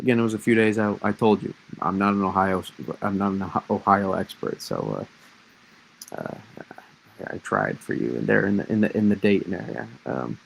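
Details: Lifelong stuttering in an adult man, self-reported as worse when discussing certain topics; part-word and whole-word repetitions; stuttering.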